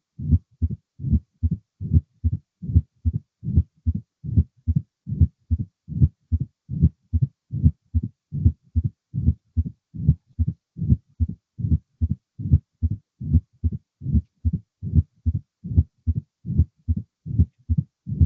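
Steady, low heartbeats at about 74 a minute, each followed by a soft low rumble between beats: the diastolic rumble of mitral stenosis.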